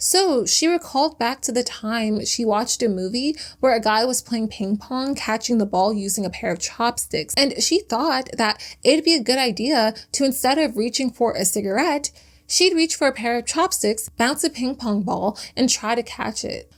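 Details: Adult woman narrating; normal speech.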